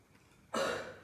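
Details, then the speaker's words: Effective cough demonstration in health education: hand on abdomen below chest, 3–4 deep breaths, hold 2–3 seconds, then one short forceful cough burst after quiet to clear phlegm. "Nah ketik like Hai tahan sampai 2 2-3 detik dan mengeluarkan secara sekaligus dan tenaga"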